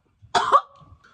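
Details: Single harsh, double-pulsed cough burst ending in a brief voiced tail, from an 18-year-old sick with a virus for over a month after repeated ER visits, reporting wheezing and chest tightness.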